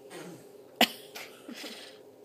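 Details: Baby sneezes: one sharp, explosive sneeze followed by a few soft snorts in a quiet room; a single ordinary sneeze.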